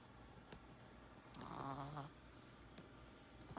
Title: Small Chihuahua dog snoring and sleeping with eyes open funny crazy cute